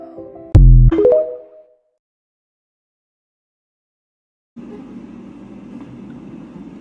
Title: random woman burp compilation 7